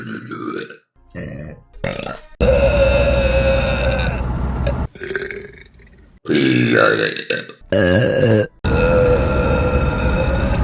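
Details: A series of loud, long, deep voiced burps separated by short pauses: repeated burping.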